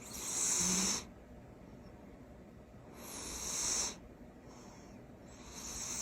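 Loud hissing snores from a sleeping cat, about one every three seconds; ordinary snoring.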